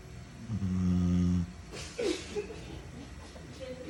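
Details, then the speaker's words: Sleeping dog snoring like a person: a low, droning snore lasting about a second, followed by soft rustling. "Hola qué tal Muy buenos días para todos Mi nombre es Mimi y el día hoy quiero que escuchen por primera vez en su vida un perro roncar como una persona o no sé si ya lo hayan escuchado pero esta es mi primera vez"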